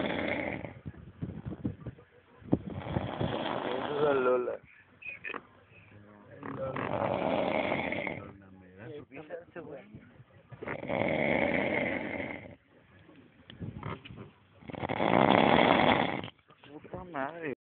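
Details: Loud, harsh human snoring recurring about every four seconds, with talking and laughter from others in between; heavy snoring.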